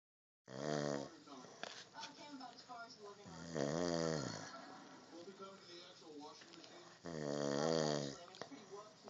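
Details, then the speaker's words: Sleeping adult man who denies snoring: loud, rough, voiced snoring noises with sleep breathing between them; snoring. "Yep. That's you snoring. Snore in your happy little mouth."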